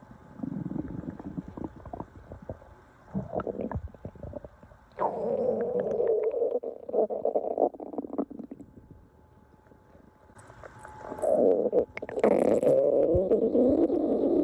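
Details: Loud, prolonged stomach growling from hunger: rumbling and gurgling belly sounds in several waves, normal borborygmi.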